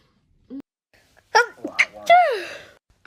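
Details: Sneezing set off by a COVID-19 nasal swab self-test: a brief catch of breath, then a burst of sneezes ending in a falling vocal sound.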